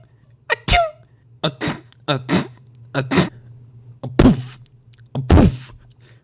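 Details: Several sneezes shown in varied styles, each a quick in-breath followed by a sharp explosive burst, over a steady low background hum; sneezing.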